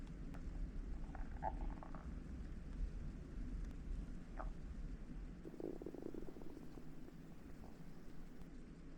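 Low, rumbling gurgles with a few higher bubbling squeaks; stomach growling from hunger, a normal sound of gut movement.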